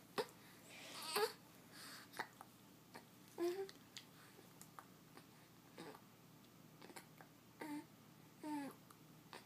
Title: Attack of the Hiccups!